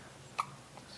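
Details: A single short, sharp hiccup from a pet against a quiet room.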